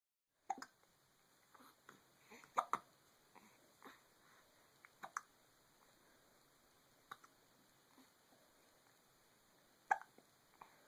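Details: Hiccups.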